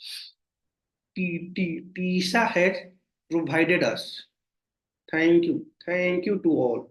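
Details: Stuttering (stammering) in an adult man, present since childhood and worsening over time, with severe blocks.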